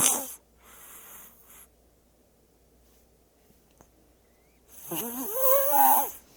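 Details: Baby snoring, presented as a sound effect; snoring.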